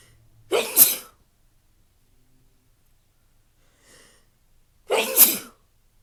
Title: Hitching sneezes